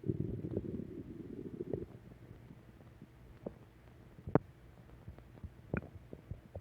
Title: Return of stomach growl 4